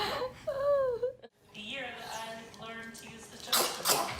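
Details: Baby babbling with a brief high voice, then a sudden sharp burst of air at the end, a small infant sneeze.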